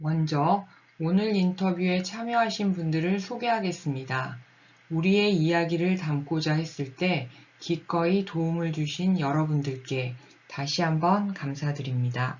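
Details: Adult woman speaking Korean; no speech disorder.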